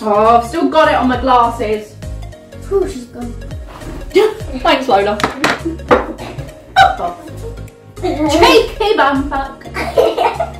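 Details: Involuntary vocal tics, including strong language, from a woman with Tourette syndrome who says she cannot control what she says.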